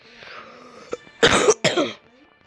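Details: Cough from someone who says they are really sick: a faint throat sound, then two harsh, loud coughs in quick succession.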